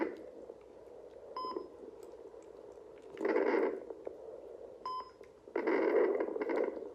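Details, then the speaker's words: Home fetal Doppler search at 10 weeks of pregnancy: hiss, static, device beeps and probe scraping with no fetal heartbeat picked up, possibly on the wrong setting; it is said to be still really early. "I know a lot of people get really super stressed out when they don't find a heartbeat right away or anything like that but it's still really early"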